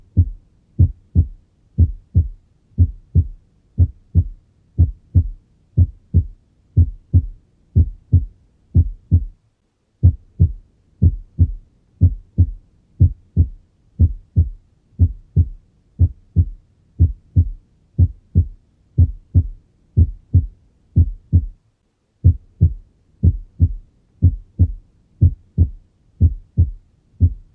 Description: Normal cardiac auscultation, showing the first sound (B1) which represents the closure of the mitral and tricuspid valves and the beginning of systole and the second sound (B2) which represents the closure of the aortic and pulmonary valves and the beginning of diastole.